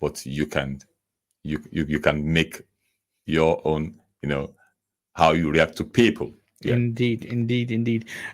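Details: Stammering (stuttering) in a man who says he stammers himself.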